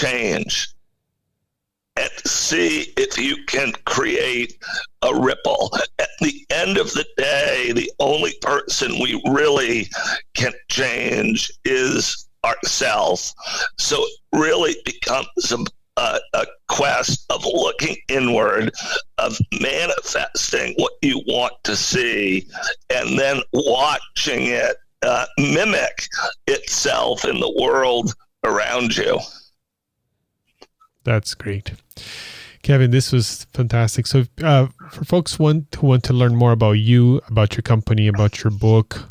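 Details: Adult male CEO with spasmodic dysphonia, a very rare neurological voice disorder affecting only speech, of no known cause and with no known cure; acquired in 2010, voice suddenly became hard to use. Finding: spasmodic dysphonia.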